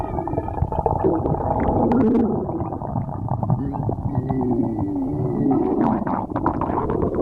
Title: stomach growling